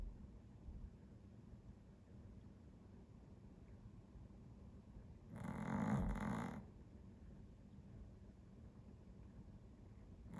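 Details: Dog snoring: a single loud, rough snoring breath rises out of quiet room noise, then fades.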